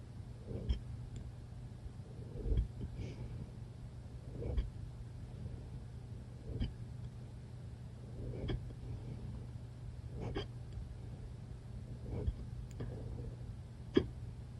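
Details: Hiccups: eight sharp, evenly spaced hics about every two seconds (roughly 30 a minute) over a steady low hum.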